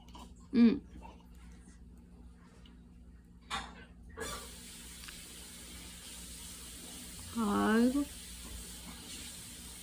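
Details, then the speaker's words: Newborn baby aged 45 days, kicking and making small high squeaky sounds in a quiet room with steady hum, gives a brief sneeze. "응. 아이고. 재채기도 하고. 아이고, 잘한다."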